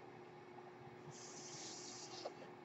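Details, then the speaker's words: Mechanical ventilator breath sound from a person's own ventilator: a soft rushing hiss of air over a steady low machine hum. "That noise hearing is my ventilator, and thank you for listening to Thranta Thursday on Page Turners They Were Not, my Star Wars podcast."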